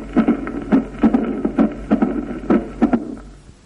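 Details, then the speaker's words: Mitral stenosis in sinus rhythm, heard best in left lateral decubitus: heart sounds near 70 a minute with low rumble after second sound building presystolically into a loud first sound; diastolic rumble with presystolic accentuation. "Si el ritmo es sinusal, la turbulencia a través de la mitral es mayor y el soplo se prolonga en presístole y termina con el primer ruido."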